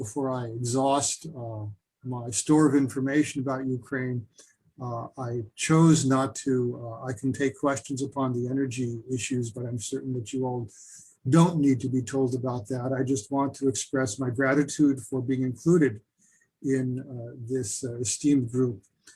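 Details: Adult man speaking; Normal voice.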